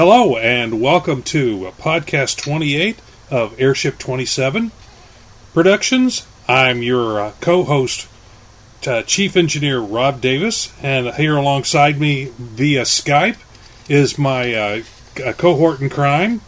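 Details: Adult male speaker; normal speech.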